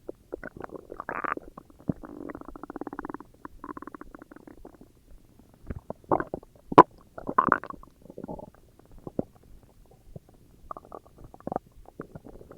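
Long gurgling, growling rumbles and bubbling pops from the belly, typical stomach growling from gas and fluid moving through the gut.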